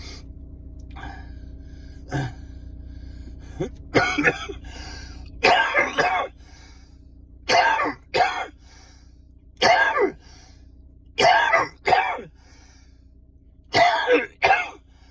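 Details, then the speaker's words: Adult with chronic lung condition on medication, coughing fit in a parked car, trying to clear mucus, sometimes dizzy: repeated harsh, spluttering coughs in pairs and short bursts, about eight episodes, over low engine hum; chesty coughing fit. "Well, that was my coffin fit I had this morning before I went to work."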